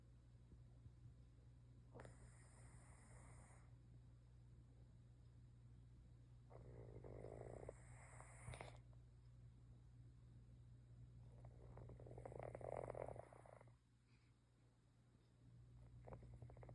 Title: My cat snoring like he’s been working overtime to pay the rent #littlenap #napping #cat #snoring